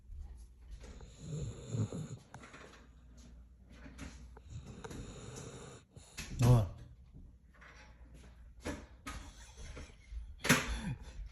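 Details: Low, rough, irregular snoring from a sleeping dog, with a few louder snorts, in a quiet room.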